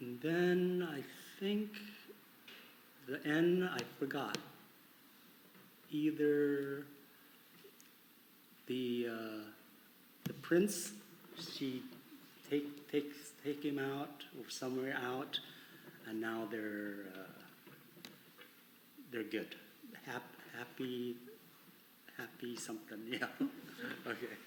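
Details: Adult man with conduction aphasia attributed to arcuate fasciculus damage, with good comprehension and impaired repetition; conduction aphasia.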